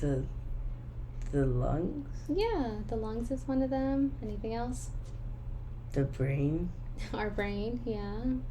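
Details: Clinician deliberately fake-stutters during fluency therapy to demonstrate voluntary stuttering, placing small repetitions or prolongations where she chooses; voluntary stuttering (simulated stutter).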